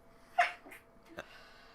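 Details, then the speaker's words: Woman sneezing in a quiet room, possibly from hay fever with a window open: one sharp, explosive sneeze followed by two softer snuffling breaths. "I don't know if you can hear her sneezing. Are you okay? A big smile. Are you okay? You're sneezing badly."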